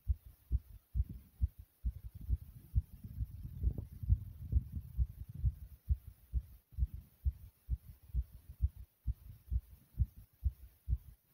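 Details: Loud, thumpy heartbeat of the uploader: strong, regular low lub-dub thumps at about 65–70 beats a minute, with a stretch of rumbling noise midway.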